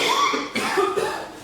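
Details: Two or three harsh, rough cough bursts from an adult after smoking a blunt in a who-coughs-first contest; irritant cough.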